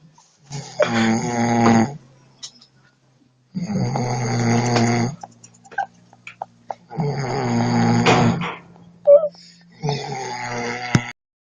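Loud, rough, rattling snores with each breath in, four in about eleven seconds, with quiet pauses between.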